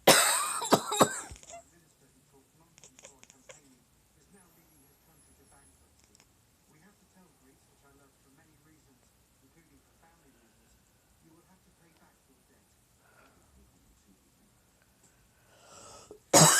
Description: Sleeping Chewbacca reacts to my coughing by clacking his teeth and chirping.